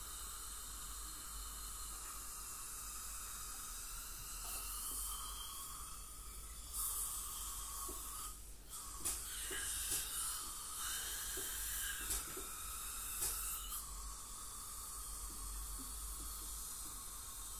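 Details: Professional teeth cleaning by a dental hygienist on a patient with heavy plaque and tartar, possibly scaling with gingival inflammation or full mouth debridement: steady high hiss and whine, water spray and suction slurping from an ultrasonic scaler removing tartar.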